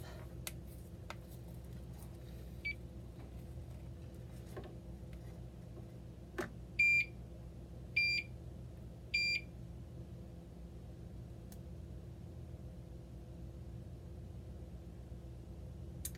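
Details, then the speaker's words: At-home TPN infusion setup by a patient: the infusion pump powers up with three evenly spaced electronic beeps, faint clicks and steady room hum. "So, okay, so here we go. Now we're just gonna go ahead and power up the pump."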